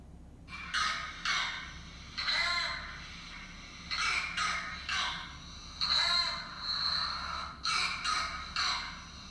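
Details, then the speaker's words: A child's repeated hollow, brassy, barking coughs in clusters, shorter than whooping cough: a croup (viral) cough from an inflamed voice box. "it's bit hollow it's kind of a brassy cuff we call it a group or viral cough"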